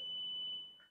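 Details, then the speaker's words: Steady high-pitched beep from an AED trainer in adult mode during a training session, signalling shock is ready; the flashing shock button may be pressed only after this tone, with no one touching the victim. "tombol shok yang berkedip-kedip gak nyentuh siapun harus ada bunyi tit baru boleh Nean"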